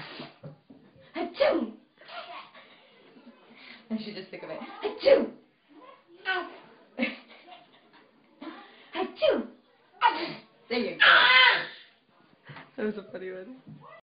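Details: Sneezing on cue from her mother while in the tub: several short, sharp sneeze bursts among playful "achoo" calls; repeated sneezing.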